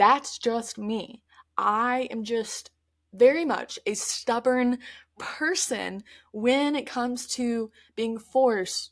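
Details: Adult woman who stutters, speaking conversationally; stuttering.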